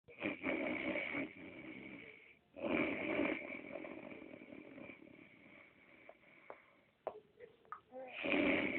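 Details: Adult man (the father) snoring loudly: harsh, buzzing snores with breathing cycles, fading between breaths, then a snort; loud snoring.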